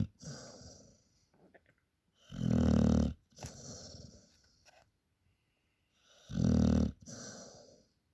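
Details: Dog named Alisa snoring while asleep after a working day: loud rattling inhalations and softer hissing exhalations about every four seconds.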